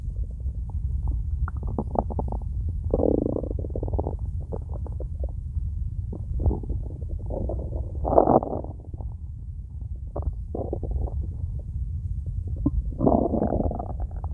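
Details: Empty stomach, nothing eaten yet today: low continuous rumbling with bubbling, gurgling surges; ordinary stomach growling (borborygmi).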